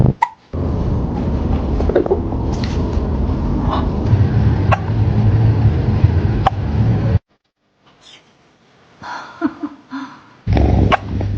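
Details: A cat hiccups with brief sharp clicks spaced a couple of seconds apart over low handling noise; the owner suggests it ate its food too fast.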